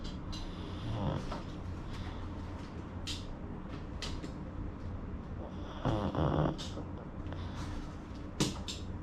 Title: Pug snoring